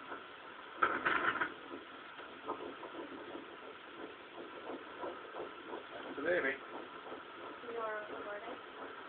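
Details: First time hearing a baby's heartbeat in pregnancy: faint, fast, rhythmic whooshing fetal heartbeat on Doppler, partly masked by static and brief voices, lost when the baby moved.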